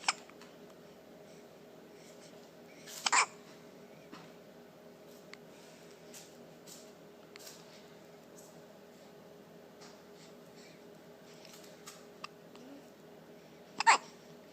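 Two sharp, abrupt hiccup sounds about eleven seconds apart in a quiet room, with faint noise between.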